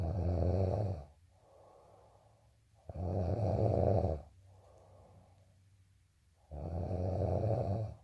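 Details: Loud, low, rattling snores on each in-breath alternating with softer, breathy out-breaths, about 20 breaths a minute: steady snoring.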